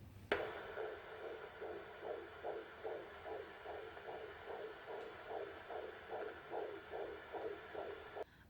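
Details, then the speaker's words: Rapid, regular whooshing pulses of a fetal heartbeat on Doppler ultrasound, about 140 beats a minute, in a pregnant woman checked after a 70 mph car crash; the baby girl has been moving. "so glad that she was able to get the heartbeat and she's been moving around"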